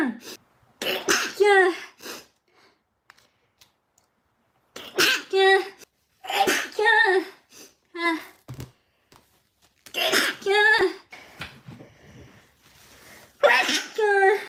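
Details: A Japanese girl stifling her sneezes: several short, muffled bursts, each preceded by a quick catch of breath.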